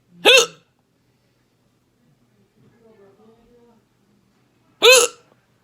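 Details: Person in the ER with persistent hiccups after eating lunch: two loud, sharp voiced hiccups about five seconds apart, each a sudden yelp, with quiet talk between; maybe some throat pain; hiccups.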